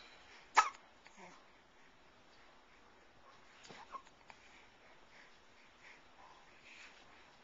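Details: 3.5-month-old baby girl having hiccups.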